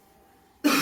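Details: After a short quiet pause, one sharp, forceful cough; voluntary efficient cough technique for airway clearance of mucus.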